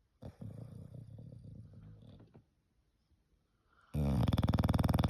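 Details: English bulldog snoring: a snuffle, then after a pause a loud, rapid, rattling snore with fast regular pulses like a pneumatic drill.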